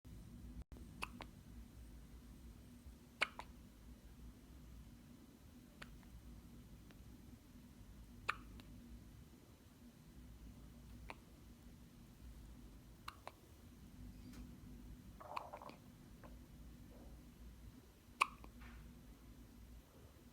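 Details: Infant hiccups at home: soft, sharp hiccups recurring every two to three seconds in a quiet room.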